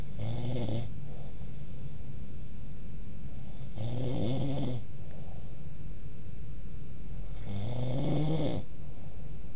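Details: Deep, rough, fluttering sounds on three breaths about every 3.7 seconds, roughly 16 a minute, over steady background hiss, recorded in 2008: snoring.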